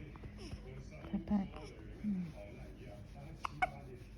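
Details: Baby on day 28 of life with hiccups that won't stop: soft adult voices in a quiet room, then two sharp, brief catching sounds close together; infant hiccups.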